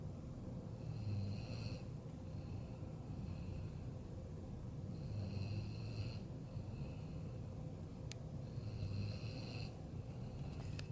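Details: Snoring during night-time sleep: low, buzzing snores about every 3.5 seconds, with a steady hum of room noise behind them.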